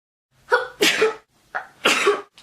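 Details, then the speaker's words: Two loud sneezes from a person while filming, each a quick in-breath followed by a forceful burst of air. "I just sneezed up the lung oh no I always sneeze when I throw the camera close"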